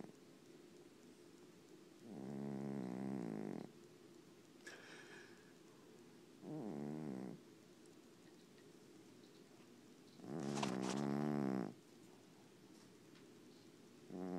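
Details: Overweight sleeping cat snoring: loud, buzzy, rattling snores, about three in ten seconds, with quiet pauses between.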